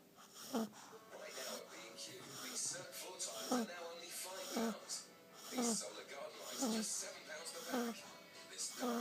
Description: Black pug snoring